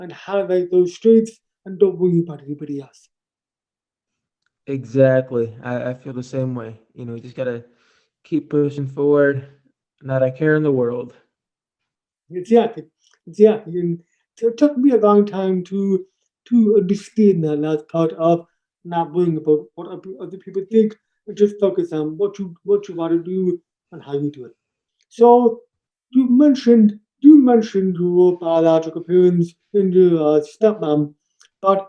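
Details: Adult man born three months premature in 1976, congenital hearing loss found at age two and a half, orally taught to listen and speak, also has ADHD; deaf speech (speech of congenital hearing loss).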